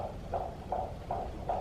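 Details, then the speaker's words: Fetal heartbeat at 21 weeks of pregnancy, a baby boy in the mother's second pregnancy: fast, regular whooshing beats, about 150 a minute, over a low rumble; a strong heartbeat by Doppler. "You hear him? He's got a strong heartbeat, huh?"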